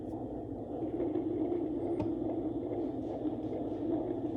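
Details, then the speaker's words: Rapid whooshing fetal heartbeat at about 140 beats a minute, a normal rate (120–160 cited), heard through a home Doppler on the belly of a woman 39 weeks pregnant with mild contractions; the mother is a labor and delivery nurse. "that's his heartbeat like that's how fast I find not everybody's going to find their baby that fast I'm a labor and delivery nurse so I just kind of knew 140 there that's that's stronger"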